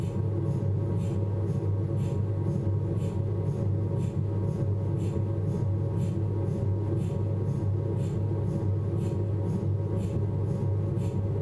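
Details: Abdominal MRI on a Philips 1.5 T scanner: steady low droning hum with faint soft ticking about once a second, MRI scanner noise during an imaging sequence.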